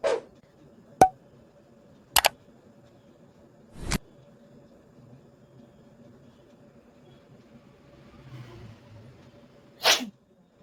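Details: Several sharp explosive sneezes, about five in ten seconds, over a quiet room hum, from a person with a cold and watering eyes during a sneezing challenge (about eight sneezes in all); repeated sneezing.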